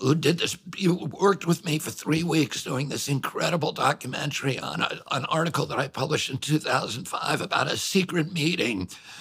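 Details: Adult man with spasmodic dysphonia, a vocal condition whose effects are described as clearly noticeable; spasmodic dysphonia.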